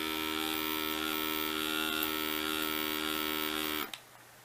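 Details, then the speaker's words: Graco NasalClear battery-operated nasal aspirator, brand new with new batteries, tested in the air after its suction stopped: steady motor buzz for nearly four seconds, then switched off; it runs but gives no effective suction. "as you can see, if you were to test it out, there would be no suction on this as what we experienced so I'm just going to test it real quick, just to kind of give you a feel."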